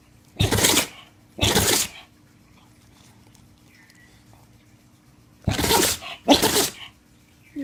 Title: Funniest sneezing dog and cat!!!